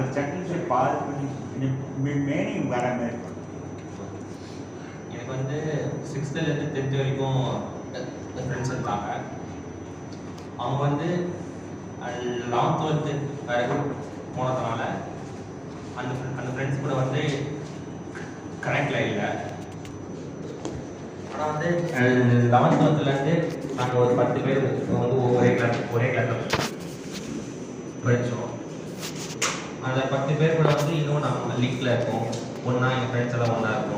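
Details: Tamil-speaking client in a stammering therapy session practising the pausing technique; word repetitions. Stammering.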